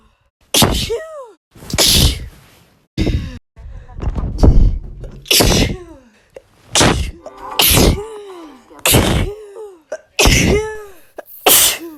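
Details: A rapid run of about ten loud, explosive sneezes of different pitches, several with a high voiced squeal, edited together in sequence: repeated sneezing.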